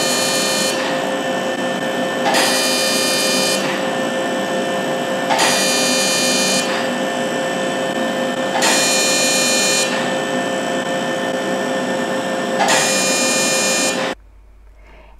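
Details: Loud steady machine hum with bursts of high-pitched rapid pulsing every few seconds: a non-ablative fractional CO2 laser, combined with radiofrequency, firing in passes over the numbed face. The patient reports only warmth, no pain.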